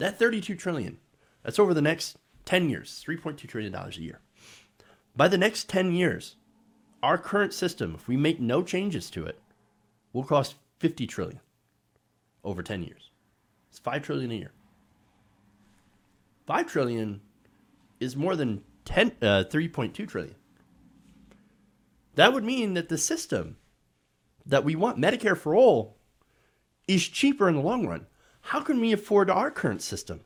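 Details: Adult male speaker; ordinary speech.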